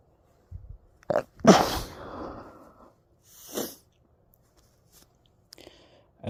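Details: Sneezing fit outdoors while skateboarding, blamed on cold temperature, alcohol (drunk) and fall allergies: several sneezes in a row, one loud with a long trailing breath, then smaller snorting sneezes; can't stop sneezing.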